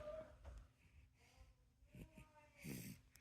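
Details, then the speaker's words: Baby diagnosed with bronchiolitis, with sinus congestion; parent unsure whether he is still wheezing: wheezy breathing. "but when he breathes he's still a little Wheezy I don't know if he's wheezing right"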